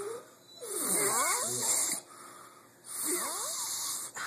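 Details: Snoring: two long, rattling, whistling snores with a quiet pause between them.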